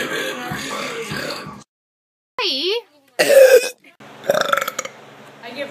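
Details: Loud, drawn-out voiced belches between short bits of speech and a gap of silence; deliberate burping for entertainment.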